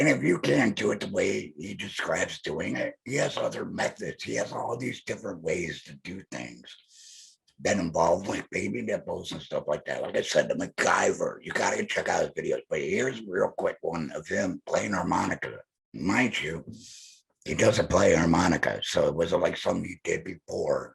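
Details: Male speaker who implies he is a laryngectomee; alaryngeal speech (laryngectomee).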